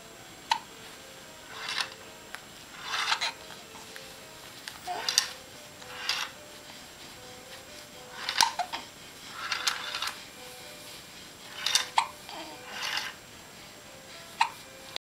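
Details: Infant girl hiccupping while watching a mobile, about ten quick catches over fifteen seconds against soft music-box tinkling; hiccups.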